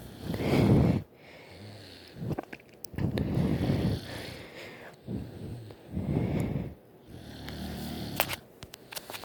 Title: my sis snoring again lol